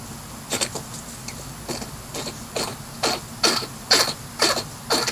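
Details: Hedgehog making nine short, sharp, hissing bursts about every half second; the owner is unsure whether it is coughing or sneezing.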